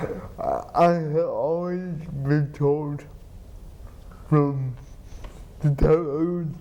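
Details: Adult man with cerebral palsy who has had surgery on an implanted pump delivering spinal medication to reduce spasticity; dysarthria (cerebral palsy).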